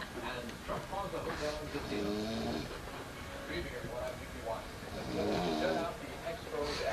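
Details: Rough, fluttering snoring from two adult women napping, presumably after a long day of walking, partly masked by television voices in the room.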